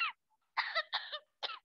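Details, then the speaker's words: Parrot named Corbel imitates a human cough using her throat, several short, bright, raspy bursts during a bird show; mimicry, not illness. "Now, Corbel used her throat for all those sounds, and she can make some human sounds, such as coughing."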